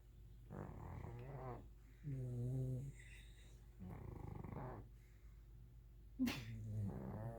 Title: Bonnie the Bon Bon & Daisy Snoring Loudly/ Nap Time 😴 🐕